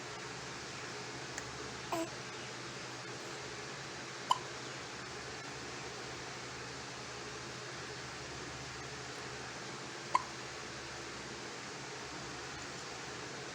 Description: My three weeks old super cute baby girl having loud & cute hiccups.